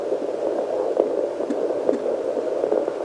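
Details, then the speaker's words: Pocket fetal Doppler (Sonoline C, 2 MHz) with water-based lubricant on a pregnant mother's abdomen, male fetus: rhythmic whooshing pulses through Doppler hiss; display reads 125–135 bpm, expected around 130–150; fetal heartbeat. "it's a boy so the heart rate should typically be around 130 to like 150 okay"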